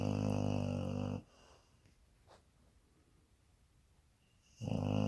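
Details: Loud, rough, rumbling snores separated by quiet pauses from a sleeping dog; snoring.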